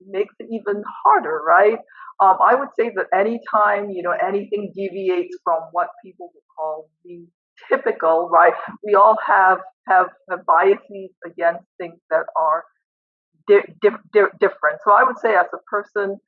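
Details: Adult female professor who stutters and does not use fluency techniques while teaching; part-word repetitions heard; stuttering.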